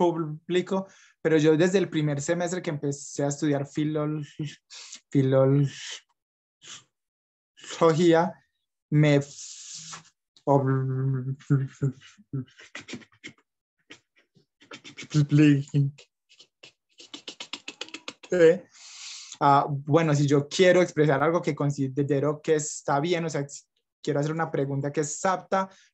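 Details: Young adult Colombian man from Medellín, Spanish-speaking, who stutters and reports blocks with accompanying facial gestures; stuttering.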